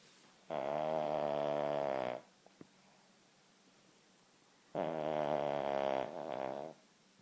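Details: Long, loud buzzing snores with quiet gaps between breaths from a King Charles spaniel; marked snoring.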